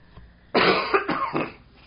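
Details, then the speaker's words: Three quick, loose coughs from an adult man in a small quiet room, at the tail end of a cold. "I need to work out how to use the recording device better so I don't have these coughs in it as you can hear I'm still suffering from this cold I've got just a tail end of it"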